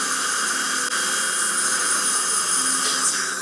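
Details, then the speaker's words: Dental drill adjusting the bite on a younger patient's tooth that was extruded after a baseball trauma and root-canal treated, relieving heavy contact: high-pitched steady hiss and whine. "Let's I'm going to relieve that tooth just a little bit in a few areas from the trauma. It was extruded a little bit and he's hitting a little heavy. Just want to adjust this."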